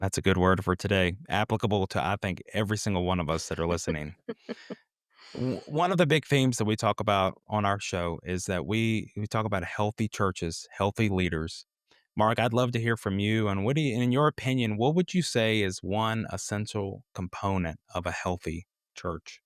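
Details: Adult man; normal speech.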